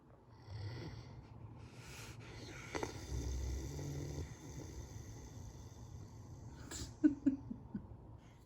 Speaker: i don't know if you can hear him but that was my dog snoring